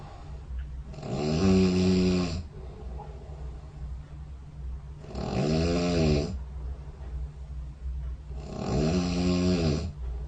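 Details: Snoring recorded overnight by a phone snore-tracking app beside the bed: loud, rumbling snores from a sleeping adult, one with each breath in, about 15 a minute, over low room hum.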